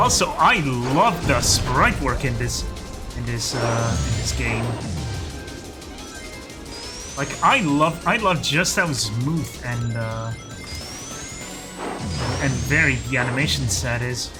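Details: Stuttering in an adult male who calls his own speech a stuttery mess; repetitions of words and phrases throughout live gameplay commentary.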